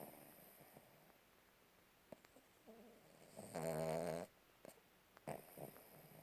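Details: Sleeping dog snoring: a single low, rattling snore on an in-breath amid quiet room noise.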